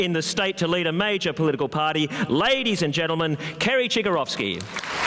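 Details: Adult male speaker at a public event; Normal speech.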